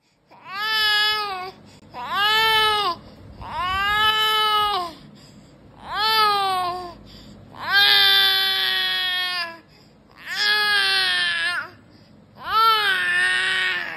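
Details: An infant gives seven loud, rhythmic wailing cries, each a second or two long, separated by brief breaths: ordinary vigorous infant crying.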